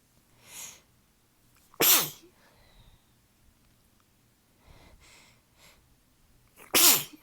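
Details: Sneezing fit attributed to allergies, weather change and fatigue, with tickly nose: two loud, explosive sneezes with softer breaths and sniffs between them.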